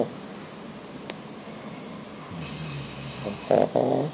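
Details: Murphy, a black pug, snoring loudly while asleep: quiet breathing, then a few loud, harsh snorting snores near the end; dog snoring.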